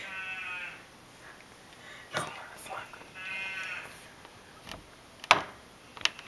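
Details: Father snoring loudly in sleep, sheep-like: two high, voiced, bleat-like snores with snorts and clicks between them.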